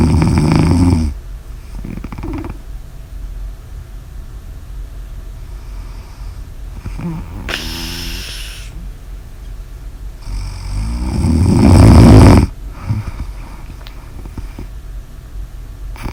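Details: Snoring during sleep: loud, rattling snores about every five to six seconds, with long quiet gaps and softer breaths between.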